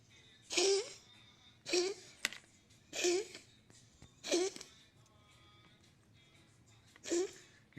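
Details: A male pet cat with a years-long history of wheezing gives five harsh, wheezy hacking coughs about a second apart in a quiet room.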